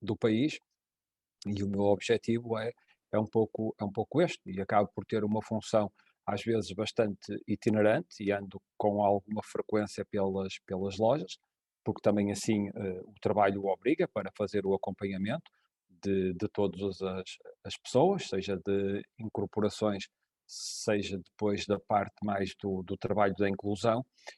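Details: Adult male speaker; conversational speech.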